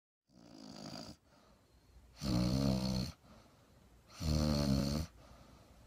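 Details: Sleeping pug puppy snoring: loud rattling snores on each in-breath, about two every five seconds, with quieter whistling out-breaths between.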